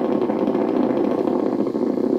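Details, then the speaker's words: Needle EMG of the first dorsal interosseous muscle while the subject raises a finger toward the ceiling: normal motor units firing normally at moderate activation, with gradually varying recruitment. "now these are the motor units they are normal motor units the muscle is firing normally and this is at moderate activation"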